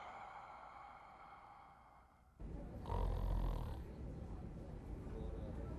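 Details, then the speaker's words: Adult snoring from a celebrity snore-identification quiz: a steady tonal hum gives way to a loud, low, rattling inhaled snore with coarse rumbling. "今天有8位不同艺人打呼的声音，各位仔细听。来，把耳机戴好。"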